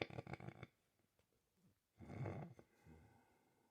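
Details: Adult snoring during sleep in a small room: rough, low rattling breaths separated by pauses, with a fainter follow-on sound; tagged menopause, and the snorer links it to drinking tea late the night before.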